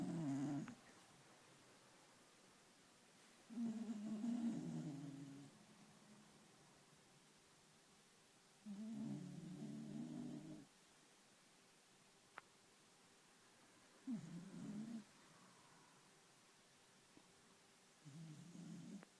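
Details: Scooter, a male Beagle, asleep at 1pm, twitching and snoring: slow, low, rattling snores about five seconds apart, roughly 12 breaths a minute.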